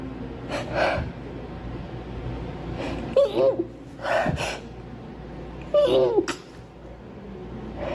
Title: Girl sneezing 5